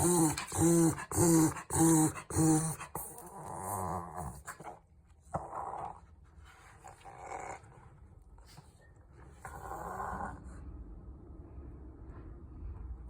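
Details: A Beagle having a reverse sneezing episode: rapid, rhythmic snorting inhalations, about 100 a minute, then quieter breathing.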